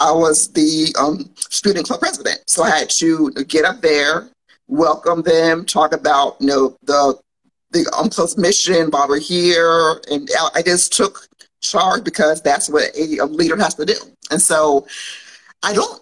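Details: Adult woman who has stuttered since childhood and still stutters, with speech therapy in grades 2-5 and middle school; stuttering.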